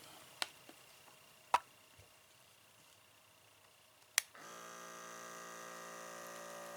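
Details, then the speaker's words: Roffie RP10 automatic upper-arm blood pressure monitor running: a few button clicks, then a steady, quiet motor hum as the cuff pump inflates; normal, very quiet operation. "you really can't even hardly hear that i can't imagine that disturbing even the lightest of sleepers if you had to monitor your blood pressure at night"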